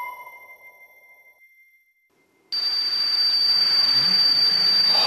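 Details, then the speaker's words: Tinnitus simulation: a fading chime, then a steady boiling hiss with a high whistle, like water boiling in a kettle, a sound that tinnitus patients may hear continuously. "그리고 주전자에서 물 끓는 소리"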